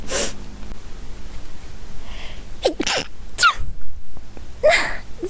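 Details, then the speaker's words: Streamer sneezes during horror gaming, apologising: several sharp, explosive sneezes in quick succession, noisy room background; sneezing. "Sorry, I had to sneeze. That sneeze removed the horror."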